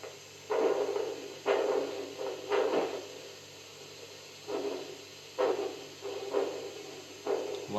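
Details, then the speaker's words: Doppler blood pressure monitoring (VAP v.2 monitor) in a dog or cat: rhythmic whooshing arterial pulses, about 60 a minute, still audible as cuff pressure is released from 140 toward zero; Doppler arterial flow sound. "again I'll repeat at 140 there are sounds I'm going lower than this blood flow sounds are there even at zero"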